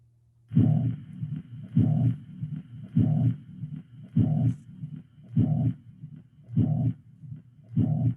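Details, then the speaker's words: Mitral regurgitation murmur, with blood flowing from the left ventricle back through the mitral valve into the left atrium: regular heartbeat near 50 a minute with a blowing murmur filling each beat. "let's listen to a mitral valve regurgitant flow where blood from the left ventricle is going back up the mitral valve or the bicuspid into the left atrium"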